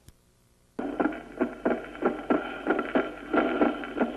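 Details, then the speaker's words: Regular heart sounds with a split second sound that stays unchanged through breathing, a fixed split. "el desdoblamiento fijo se debe a que ambas aurículas se llenan de la misma manera también se presenta en la insuficiencia ventricular derecha escuchémoslo"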